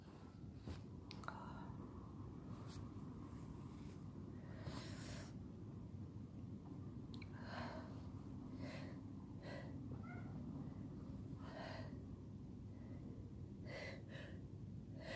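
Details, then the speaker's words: Sneezing fit: several forceful sneezes in quick succession with snorting breaths between them, from a sick person who has been sneezing all day and has a headache. "Oh God, my head hurts. I've been sneezing all day."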